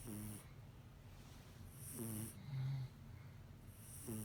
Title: Kitten snoring just like Cat Dad. Don't be mad Cat Dad! Meow